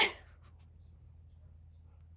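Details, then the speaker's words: Streamer sneezing during a live stream, which she thinks may be from dust from her tea: a single sharp, hissing burst, then quiet room noise; one sneeze. "I usually mute when I sneeze. So, if you ever wondered what it sounds like when I sneeze, that's I usually mute."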